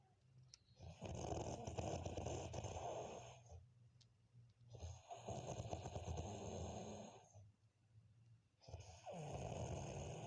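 Three long, rough, rattling snores with brief pauses between them, each lasting a couple of seconds; steady sleep snoring.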